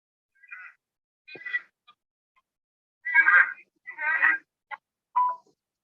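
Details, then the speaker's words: A daughter's recurrent honking cough, which her mother says sounds like a duck quacking, played over a weak phone line: about five short, harsh, quack-like bursts, thin and muffled. "وہ میں بالکل ایسے لگتا ہے سنوا جیسے دوں، بطخ بول رہی ہو."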